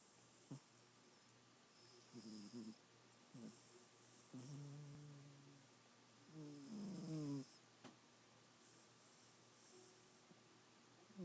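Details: A few soft, rough snoring breaths at irregular intervals between long pauses in a quiet room; snoring.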